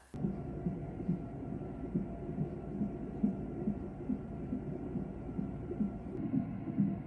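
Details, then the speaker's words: Fetal monitor at about 23–24 weeks of pregnancy, female fetus, rapid regular whooshing beats at about 140 a minute; good strip with variability, small accelerations, no major decelerations; normal fetal heart rate. "But luckily I was able to get a really good strip and she looked perfect on the monitor. So I was really, really happy and excited about that."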